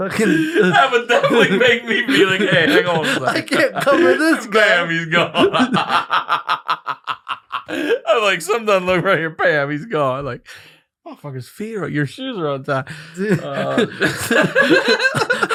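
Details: Adult speakers in conversation with laughter; speech.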